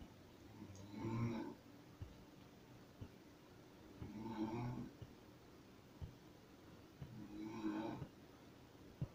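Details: A mother snoring in her sleep: soft, low, throaty snores recurring about every three seconds, with faint room clicks.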